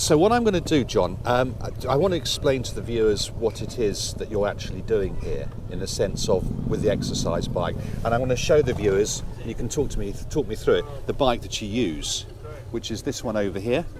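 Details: Adult male interviewer; Typical speech.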